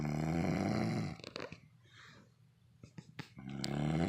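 Loud, low, rattling snores on breathing in, separated by a short quiet breath out; snoring.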